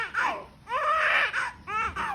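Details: Newborn baby moments after delivery (second baby boy): short bursts of crying, wailing with brief pauses between cries; a normal newborn cry.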